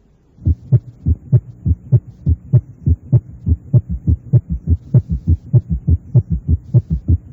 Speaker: Si la frecuencia cardíaca es rápida y la contracción auricular se superpone a la fase de llenado ventricular rápido, puede originarse un ruido de suma o galope de suma. En este caso, la impresión auscultatoria recuerda a un galope.